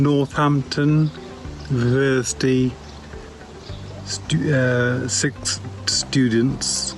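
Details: Aphasia after a stroke about six years earlier, in a male stroke survivor; aphasia.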